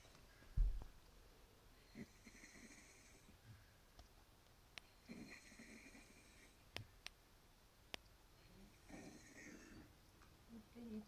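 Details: Dog's wheezy honking cough, three quiet episodes each about a second long, in a quiet room; recorded to show the vet.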